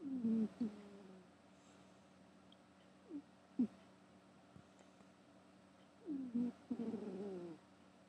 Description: Gary the cat is snoring while he sleeps.